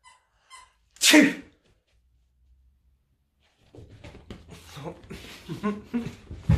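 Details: Person's sneeze that sets their dog off: one sharp, explosive sneeze, then a pause and the dog's excited snuffling and movement noises; sneezing.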